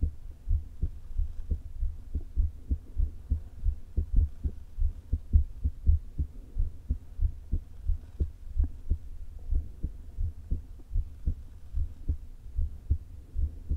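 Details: Woman's heart recorded through a low-placed stethoscope: soft beats with uneven spacing, about 100 a minute. Atrial fibrillation with a leaking heart valve, before open heart surgery.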